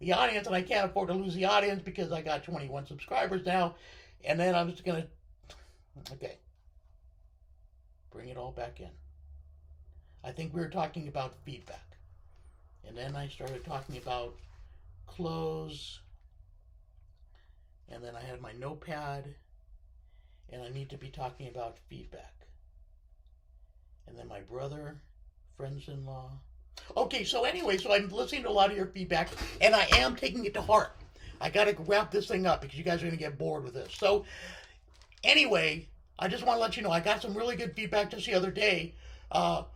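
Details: Left-sided vocal cord paralysis following surgery in a male speaker, limiting his control of his voice.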